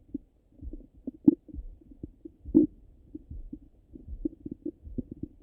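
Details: Stomach rumbling after breakfast, heard through a stethoscope on the belly: irregular low gurgles and soft pops, ordinary postprandial bowel sounds (borborygmi).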